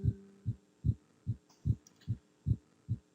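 Steady, regular heart thumps at about 74 beats a minute from a simulated patient, with a faint hum behind.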